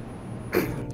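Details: Adult man with Tourette syndrome producing a vocal tic, which he says is often throat clearing; he also reports constant coughing, sniffing and loud vocal noises as tics.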